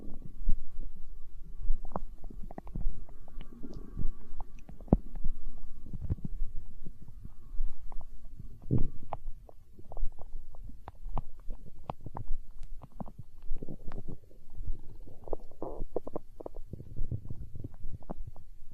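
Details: Stomach growling in hunger, tagged as empty-stomach sounds in an ASMR recording: continuous low rumbling and gurgling with scattered pops and squeaks, ordinary borborygmi.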